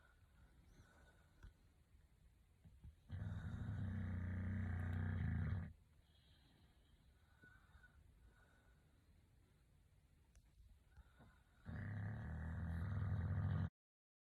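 Two long, loud, rough low rumbles about nine seconds apart, with quiet room sound between them: heavy snoring.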